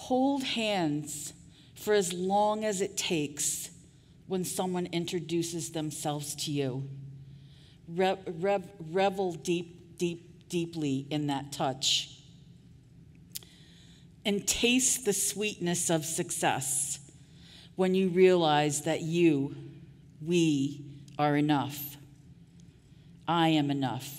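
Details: Adult woman who stutters, giving a conference keynote speech; audible part-word repetitions; stuttering.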